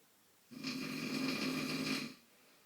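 One sustained, rattling, buzzing snore lasting over a second, in a quiet room. Typical snoring.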